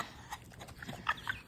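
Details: Kennel cough in a pocket bully dog: a few short, quiet, honking snorts and hacks; the dog's stomach seems to hurt.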